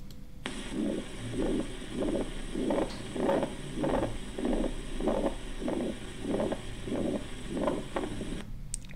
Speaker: again, please. Ventricular septal defect murmur.